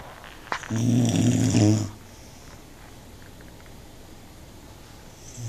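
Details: One loud, rattling snore lasting about a second, followed by quiet room noise; snoring.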